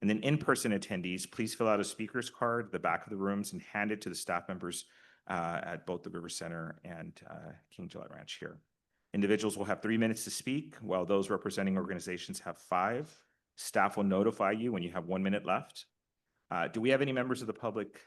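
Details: Adult man speaking; normal speech.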